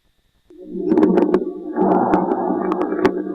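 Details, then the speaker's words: Coarse subcrepitant rales: moist, bubbling crackles over rumbling breath sounds, more humid, regular and changeable than fine crackles, heard in both phases, mainly expiration, and changing with cough and expectoration. "Estos estertores son más húmedos y regulares y cambiantes que los crepitantes escucha atentamente"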